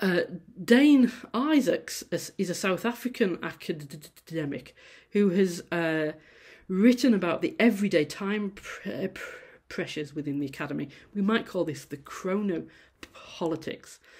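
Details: Adult female university lecturer who says she stammers; audible sound repetition at word starts; stammering.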